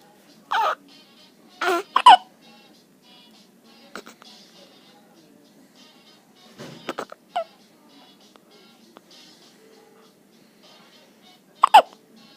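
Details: Hiccups: brief abrupt catches recur every few seconds, some in quick pairs, over soft background sound.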